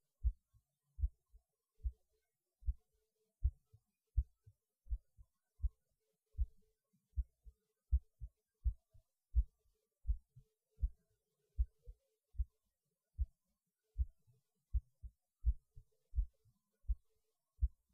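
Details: Adult's heartbeat recorded during a pause from eating lunch, when the heart felt like it was beating harder (usual after eating for this person); steady low double thumps about 80 per minute, rate little changed: normal heartbeat.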